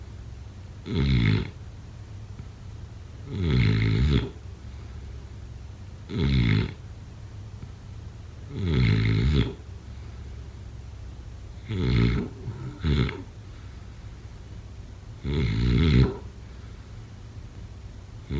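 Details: Repeated deep, rattling snores at about 22 a minute, one after another; ongoing snoring during sleep.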